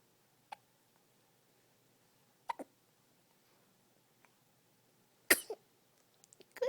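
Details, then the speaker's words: Hiccups: a few soft, sharp, separate hiccup-like bursts against quiet room noise, then a louder burst like a sneeze. "Goodness. Tell those hiccups to go away. Go away, hiccups."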